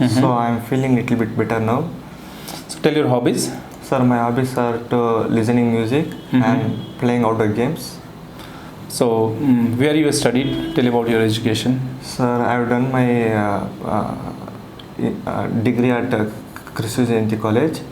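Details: 22-year-old man with stammering since childhood, recorded after 8 days of speech therapy, reporting only slight improvement; finding: stammering.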